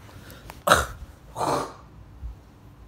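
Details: Person who says they are sick: two short rough bursts of throat clearing, the first sharp and loud, the second softer and longer; throat clearing.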